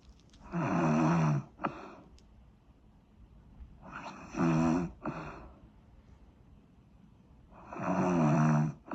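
Loud, rattling snores on each inward breath, about three in nine seconds, with quiet exhalations between; typical snoring.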